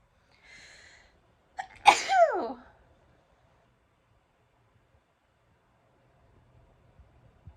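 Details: A short in-breath, then one loud explosive sneeze with a falling voiced tail, followed by quiet; a sneeze.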